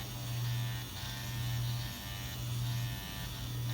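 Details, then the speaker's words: Steady, slightly pulsing electric buzz of a Dr Pen A7 microneedling pen with a 12-pin, 34-gauge cartridge set to 0.5, run in lines on the self-treated, lidocaine-numbed forehead during a second session. "I'm just taking out the protective plastic here and turning it on but with this fun I'm just gonna go in lines of three so I'm doing vertical horizontal and"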